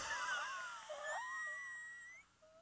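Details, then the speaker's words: Audio clip used by a respiratory therapist to teach breath sounds: high, whistling musical tones during breathing, mostly an expiratory wheeze from narrowed airways. "is exactly what wheezing sounds like this audio clip is mostly an expiratory wheeze and inspiratory wheeze is going to be that same thing but on inspiration"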